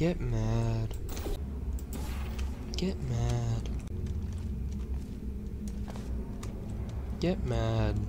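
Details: Echolalia-like self-stimulatory vocalization in a streamer using they/them pronouns, repeating the same phrase several times in a row during a game stream; echolalia (repetitive phrase vocalization).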